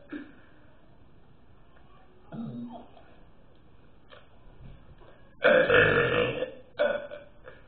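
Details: Person burping deliberately: a few short belches, then one long loud belch and a shorter one after it; ordinary burping.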